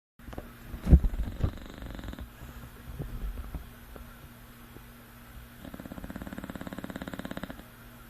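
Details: Sleeping English bulldog: low, rough fluttering rumbles on breaths with a long vibrating stretch near the end, some room noise; snoring.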